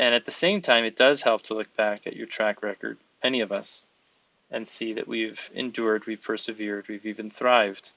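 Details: Adult man speaking; no disorder.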